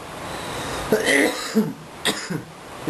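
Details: Adult man coughing in a quiet room: a few short cough bursts that interrupt his attempt to sing "Someone Like You" by Adele.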